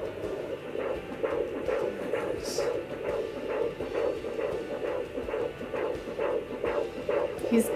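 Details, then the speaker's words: Fetal heartbeat of a baby boy on a home baby Doppler: fast whooshing pulses about 130 per minute over hiss with occasional thumps from his kicks; mother notes the Doppler's displayed heart rate is wrong. "so the only thing that I don't like about the baby doppler is the heart rate is wrong"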